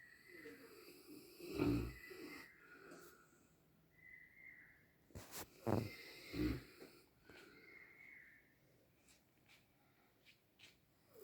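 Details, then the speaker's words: Sleeping animal snoring: irregular low rumbling snores with snorting breaths and some whistling, about 15 a minute. "और ये भाई सो रहे हैं कालू जी। घर्राटे मार के सो रहे हैं।"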